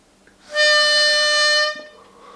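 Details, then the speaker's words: Demonstration of a metered-dose inhaler used with a spacer: a loud, steady, high whistle lasting about a second as the spacer valve sounds because the breath in is too fast, showing the error of inhaling too quickly. "So it's quite a loud sound. So you can't miss that if you're breathing in and out too fast."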